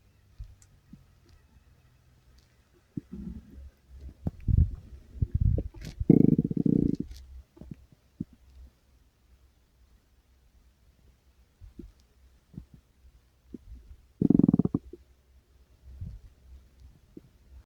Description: well, my tummy started to growl and growl, and I decided to record it